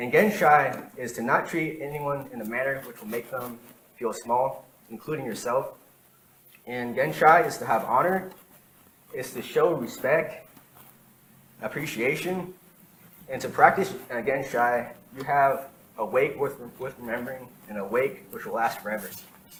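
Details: Real stuttering in an adult man who has stuttered for as long as he can remember, recorded during a talk sometime between 2013 and 2019.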